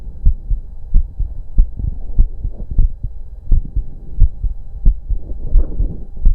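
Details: Auscultation of own heart during breath-holds: regular low thumping heartbeat, about 88 beats a minute, over a faint steady hum.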